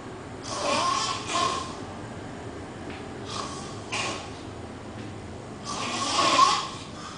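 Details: Adult crashed asleep on a couch snoring: loud, harsh snorting breaths both in and out, with a fluttering quality, in a quiet room.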